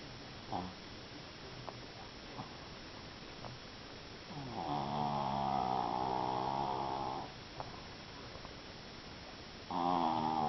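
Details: Japanese Chin (small flat-faced dog) snoring: long, buzzing, rumbling breaths a few seconds apart with faint snuffles between; typical snoring.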